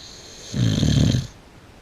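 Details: A Boxer dog sleeping in a bed gives a single loud, low, rattling snore lasting under a second; snoring.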